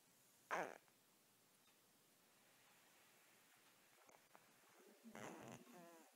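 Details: Sleeping cat with a cold, very congested: two snorting, rattly snores with a quiet pause between them in a still room; congested snoring.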